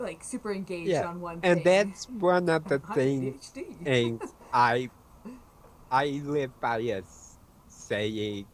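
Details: Speech impediment in an adult male with autism, self-described: words sometimes break up and he repeats words mid-sentence when his mind wanders; some people cannot understand him.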